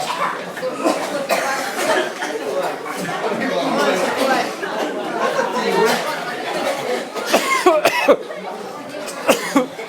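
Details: Mass coughing of pilgrims in Jerusalem after tear gas was sprayed to separate two fighting women: many people coughing over one another amid crowd chatter in a large echoing space.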